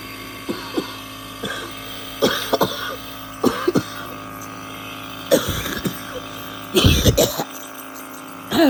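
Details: Harsh cough, unable to talk, reportedly not sick or feeling unwell; about seven coughing bursts, some in quick pairs, over steady room hum.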